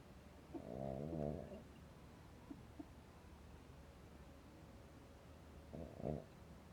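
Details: Faint rattling snores come and go against steady wind and background hum around 12:30 at night at a mountain campsite (Bukit Klangon, about 1227 m); snoring.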